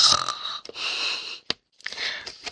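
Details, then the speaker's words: Tired female pet dog resting and snoring, with raspy, hissing breaths separated by a short quiet pause; dog snoring. "Vous entendez pas le chien qui ronfle ? J'espère cette honte,"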